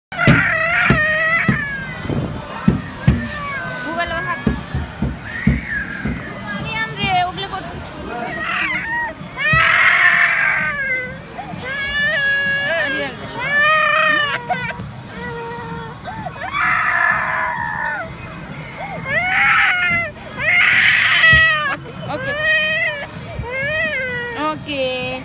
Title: Cute Toddler baby crying